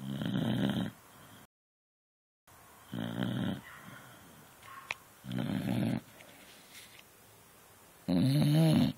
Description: My beagle snoring on the couch.